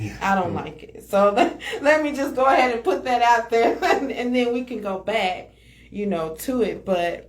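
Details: Adult woman speaking; normal speech.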